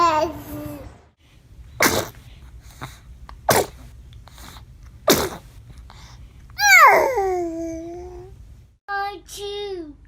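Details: Baby sneezing: three small, sharp sneezes among babble and squeals over soft background music; ordinary infant sneezing.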